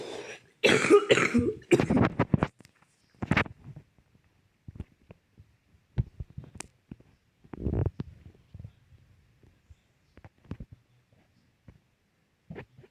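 A few harsh coughs near the start, then quieter throat-clearing and scattered small noises in a quiet room.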